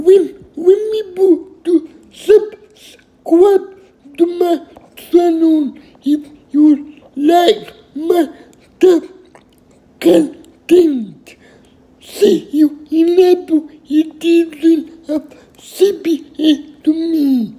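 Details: Adult with cerebral palsy, who took his first independent step at age 18, saying a channel outro; finding: dysarthria in cerebral palsy.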